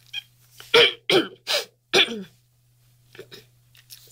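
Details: Adult woman with Tourette syndrome and OCD, recorded while her tics were worse; vocal tic of coughing/throat clearing.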